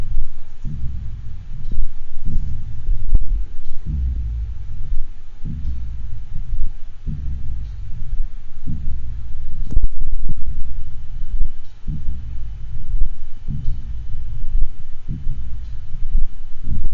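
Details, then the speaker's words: Elderly horse with aortic regurgitation: slow heartbeat about 37/min with a low diastolic decrescendo murmur fading after each beat. "and finally we'll listen to an elderly horse with aortic regurgitation that has a diastolic decrescendo murmur"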